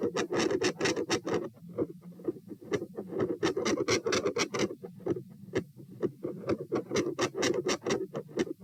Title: Heart Sounds - Weird - Stress Test P, Phasic Pressure Changes?, Volume/Pattern Change PFO shunt?